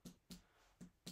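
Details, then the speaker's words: Abdominal percussion during a quick GI physical exam demonstration on a patient: four sharp finger taps over the abdomen give hollow, drum-like notes; normal tympanic percussion note. "all right the next thing we do after our school teaching we do is percussion so we're looking for um protein Panic sounds all over the abdominal area"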